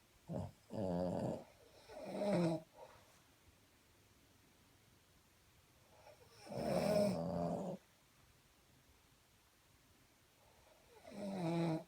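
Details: Person and Boston Terrier snoring together: loud, rattling snores in irregular bursts, roughly 13 a minute, with quiet pauses between; snoring during sleep.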